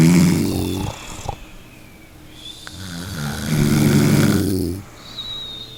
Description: Snoring sound for 1 hour #snoringsounds #snoring #annoyingsounds